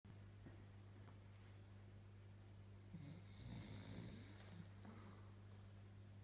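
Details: A tired female Doberman dog: one soft, rough snore midway over a steady low electrical room hum: dog snoring.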